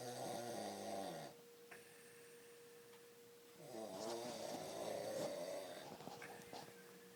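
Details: Adult man snoring with loud buzzing, rattling snores on breaths in, with a steady faint hum in the room; ordinary heavy snoring.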